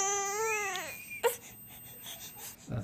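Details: Infant with a fever of 102.4, read on a Braun forehead thermometer showing the red fever light: a strained cry that falls in pitch and trails off into whimpers.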